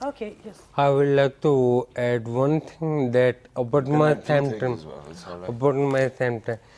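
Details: Adult man with ataxia that gradually impaired his speech and walking over years; ataxic speech described as scanning; ataxic dysarthria.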